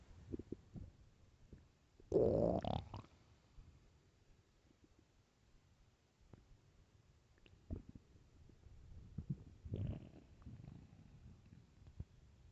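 Low gurgling growls and groans rise and fade over a quiet background: stomach rumbling from hunger, a normal sound of gut movement.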